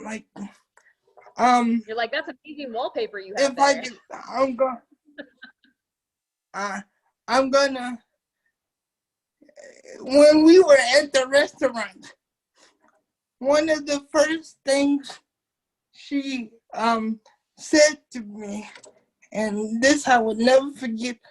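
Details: Dysarthric speech in a 27-year-old man with cerebral palsy since birth, affecting his muscles; he uses a wheelchair, and doctors had told his family he would not be able to talk.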